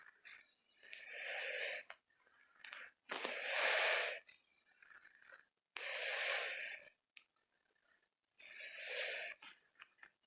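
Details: A person's own breathing while playing a video game: repeated hissing, whistly breaths in a quiet room, around 25 a minute, with a wheezy quality on each breath.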